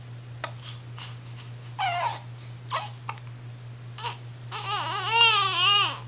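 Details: A sleepy 1-month-1-week-old infant with hiccups: several short catches and fussing sounds, then a whiny cry.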